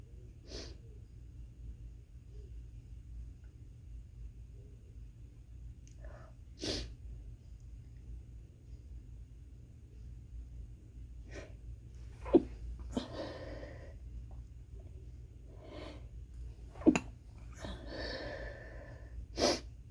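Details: Stifled sneezing fit in an office, cause unclear: a quiet run of about four or five brief, muffled bursts, each held back rather than let out fully.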